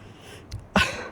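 A single harsh cough burst after a faint throat noise, in a quiet room.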